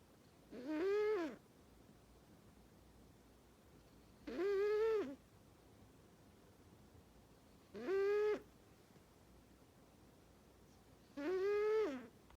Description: Cat snores very loud, doesn’t wake his best friend Jax.